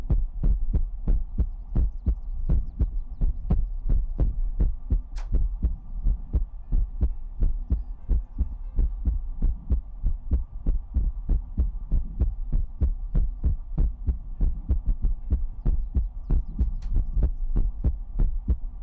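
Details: ASMR heartbeat sound in a sleep-aid livestream: steady low thumping heartbeat at about 94 beats a minute, with a faint hum behind it.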